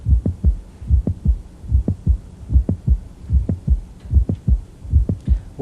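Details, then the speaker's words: Mid-systolic click heard at the apex with the stethoscope diaphragm: regular heartbeat near 74 per minute with an extra sharp click between the first and second sounds. "now this mid-systolic click is usually due to something called mitral prolapse often due to mix um buddhist degeneration of the mitral valve"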